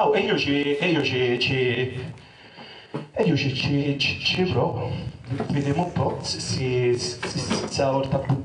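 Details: Acted stuttering by a performer in an Italian comedy cabaret sketch, playing a stutterer looking for work, with sound and syllable repetitions.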